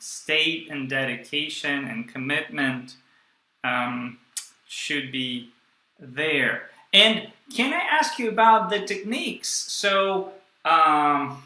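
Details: Stuttering since childhood in a young adult man (stuttered his first 18 years) who still stutters and blocks, using a breathing technique only some of the time.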